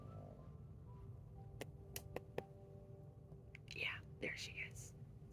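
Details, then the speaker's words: Faint snorting, breathy snores from a sleeping pet dog, with a few clicks and steady room hum. "that snoring sound yeah that would be the sound of snoring"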